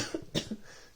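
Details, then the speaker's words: Single short, mild cough with softer throat sounds before and after, quiet room; adult with type 1 diabetes and celiac disease on day one of COVID-19, also reporting headache, dulled taste and a weak voice. "have a little bit of a cough as well i hope you can hear me in the video because i can't shout like normal"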